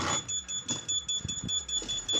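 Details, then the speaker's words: High, steady electronic beeping repeating over low mechanical noise: device error alarm on an open-source dual bag-valve-mask stepper-motor ventilator prototype after it detected an error. "and then it (Plunger) presses this other side now there's an error it detected on error"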